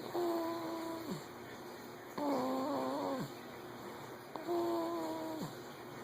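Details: Baby snoring in sleep after finishing an 8 oz feed: soft, tuneful, whistling snores about every two seconds over a steady background hum; light snoring.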